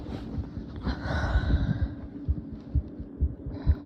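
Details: Low, dull thumps under rustling and breathing at roughly 64 beats a minute, picked up by a phone lying on the chest at night while stifling sneezes; ordinary heartbeat.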